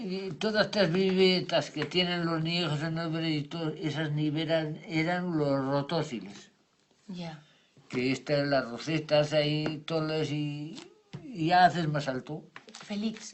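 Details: Adult man after an ischaemic stroke following an operation, with impaired comprehension and invented words forming jargon; Wernicke's aphasia.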